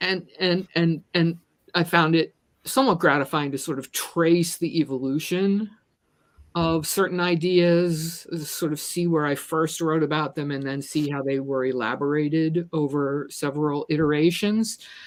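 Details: Adult woman who stutters and describes herself as a person with a disability; this stretch shows repeated words; stuttering.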